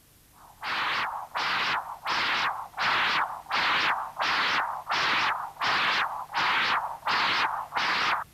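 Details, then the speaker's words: Continuous-wave Doppler across a stenotic mitral orifice in mitral stenosis, with velocity peaks of 2.4–2.5 m/s; rhythmic, harsh, long rough whooshes at about 85 a minute. "the doppler cursor has again been positioned to cross the mitral orifice the calibration markers are now at one meter per second and the velocity peaks are again 2.4 and 2.5 meters per second"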